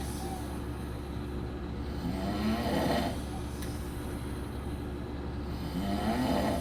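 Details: One of a group of men snoring during a week in Las Vegas: slow, rough snoring breaths over a steady loud background hum.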